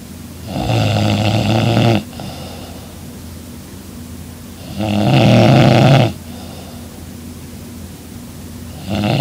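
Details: Loud, rough snores on each in-breath, about 15 a minute, with quiet breathing between, from a sleeping young woman lying beside her boyfriend: heavy snoring.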